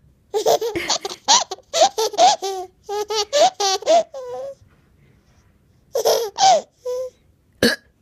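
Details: Loud belly laughter broken by abrupt catching gasps typical of hiccups from a 7-month-old baby; ordinary infant hiccups.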